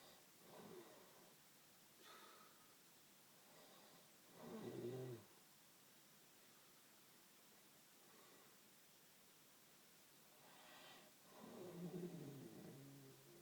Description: This is my dad snoring he is the loudest snorer in the north east